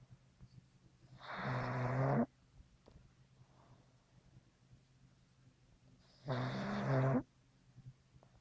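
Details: Dog in a heavy sleep lying on a person's lap, snoring: two loud, rattling snores about five seconds apart in a quiet room.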